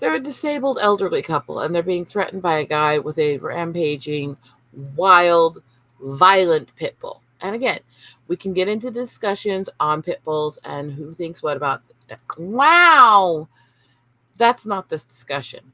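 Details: Tourette syndrome in an adult woman who is seeking formal diagnosis and reports brain issues from childhood seizures and inability to filter speech. Vocal tics include 'wow' interjections and involuntary swearing (coprolalia).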